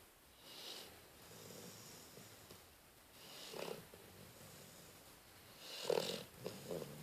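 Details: Snoring in sleep, recorded 12-12-13: soft, rasping breath noises building at intervals with brief snorting bursts.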